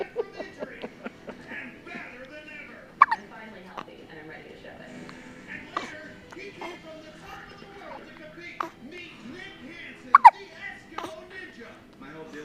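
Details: Infant hiccups: repeated short, sharp hiccup sounds, several in a row, with soft voice sounds and faint background music.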